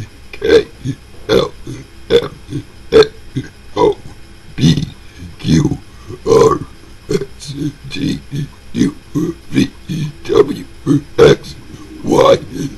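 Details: Deliberate burping of the alphabet: a run of loud, deep, voiced burps, about 70 a minute, shaped into spoken letters.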